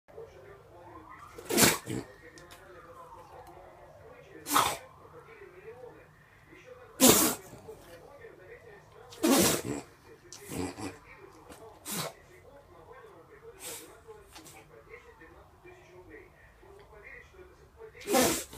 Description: Настоящий бульдог, всё как положено хрюкает, кряхтит, пыхтит и в добавок громко чихает))